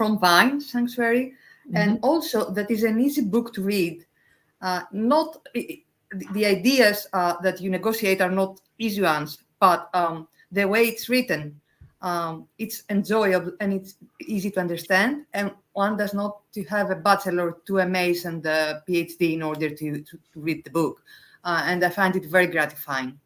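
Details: Adult speaker; ordinary speech.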